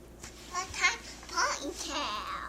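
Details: Young girl's speech, presented as possibly childhood apraxia of speech, a neurological impairment in sending signals from brain to articulators; may instead illustrate articulation or phonological delay; childhood apraxia of speech.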